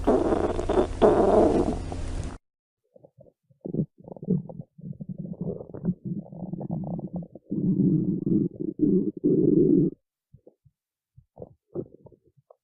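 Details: Low gurgling and rumbling stomach noises in irregular bursts: a loud, hungry stomach growl, ordinary borborygmi.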